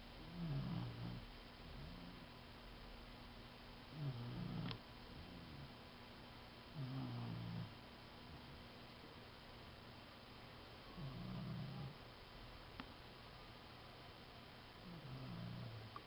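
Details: Soft, low, rattling snores every few seconds, about five in sixteen seconds, from a dog sound asleep in her new dog bed, over a faint hum; ordinary dog snoring.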